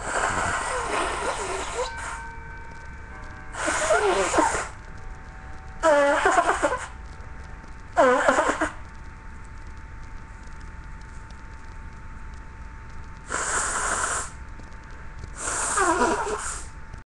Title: few sneezes, stiffles, sniffing and noseblow